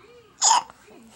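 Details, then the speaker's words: Baby hiccups: a single short, sharp catch of breath with a small voiced squeak from an infant. "somebody's got the hiccups I wonder who it is"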